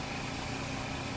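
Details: Steady mechanical hum and whir of a portable suction machine applied intermittently during sterile tracheostomy suctioning, catheter inserted to resistance at the carina then withdrawn about half to one inch; nursing demonstration.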